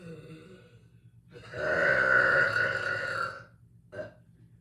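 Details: Loud echoey burps: a long rumbling belch of about two seconds, then a brief shorter one.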